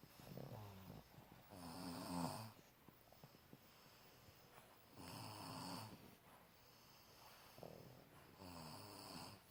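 Three loud rattling snores on the in-breath, about 17 breaths a minute, with quiet pauses between them: ordinary snoring.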